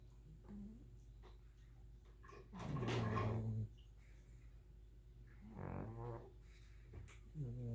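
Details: Two dogs napping: loud, rough, irregular snoring noises over a low room hum; snoring.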